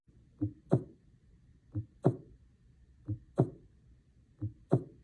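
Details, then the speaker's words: Slow, regular heartbeat at about 45 beats a minute, below 60, with long pauses between paired lub-dub sounds; bradycardia. "in the opposite our heart can beat too slowly or less than 60 beats per minute if this happens the body may not be able to maintain adequate blood flow to major organs"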